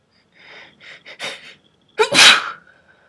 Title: breathy sneeze